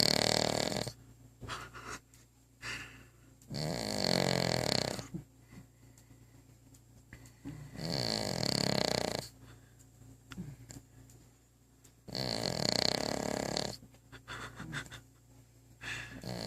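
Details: Dog asleep with her head resting on the bottom of a coffee table: loud, rough snoring breaths about every four seconds, roughly 15 a minute, with quiet pauses between; snoring.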